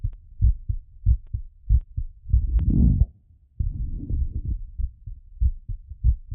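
Quick, strong low thuds, around 95 a minute, partly masked by rubbing and breath noise: heart sounds speeding during recovery from exercise.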